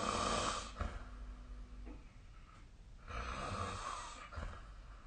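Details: Sleep snoring recorded with the SnoreLab snoring app: two rough, rattling snores with quieter breathing between them.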